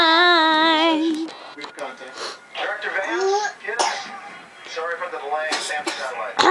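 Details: A 1-year-old baby sings a wavering high note and babbles in her own language, broken by a few short, rough cough bursts; cough.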